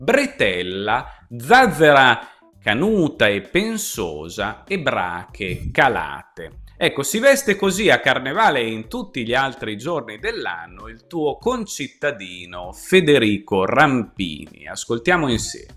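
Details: Adult male speaker; normal speech.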